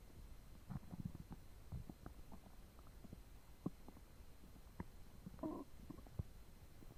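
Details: Active bowel sounds (borborygmi) from a belly digesting two foot-long sandwiches and a pint of cola: frequent low gurgles, squelches and brief bubbling pops, with a longer gurgle near the end.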